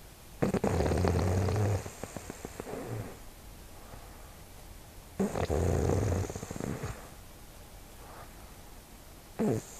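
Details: Snoring: loud, low, rattling inhalations about every five seconds, roughly 12 breaths a minute, with quieter exhalations.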